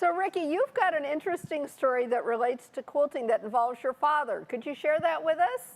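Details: Adult woman speaking; Normal speech.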